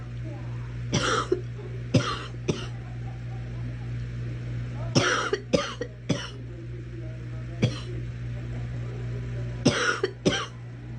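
Short dry coughs in clusters of two or three, about eleven in all, over a steady low hum.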